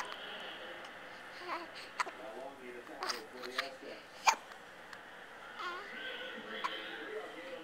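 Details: Several sharp, abrupt hiccups at irregular intervals among soft vocal sounds and babbling; hiccups.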